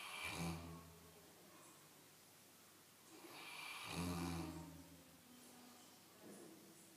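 Deep, rumbling snores about every four seconds, each with a fluttering rattle on breathing in and quiet breaths out; snoring in a large dog.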